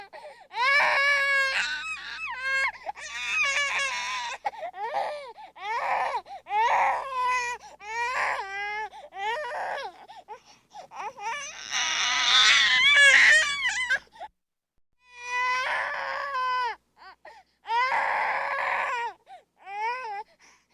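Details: Baby's fussy, frustrated crying: repeated bursts of high, wavering cries with whimpers and catching breaths between them; infant crying sound effect clip.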